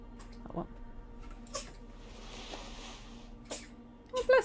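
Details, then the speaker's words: Several short, soft hissing bursts from a cat sneezing in the background during a livestream, with a steady room hum; the cat looks annoyed. "I don't know if you can hear my cat sneezing it's very cute he doesn't think it's cute he looks quite annoyed by the whole thing"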